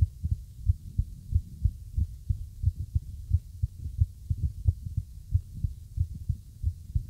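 Low, dull heart thumps with uneven spacing between beats, an irregular heartbeat.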